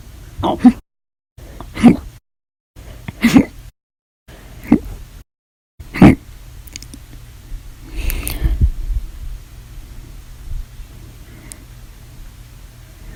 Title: 8/1/19 to 8/31/19, Violent, Bad Loud, Silent, Minute, Second Hiccups Audio Only Part 1